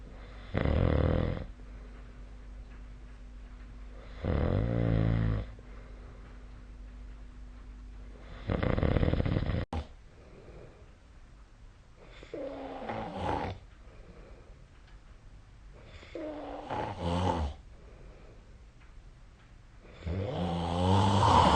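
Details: Nightly sleep snoring recorded with a snoring-tracking app: loud, rumbling snores repeating about every four seconds in a quiet room, roughly 15 breaths a minute.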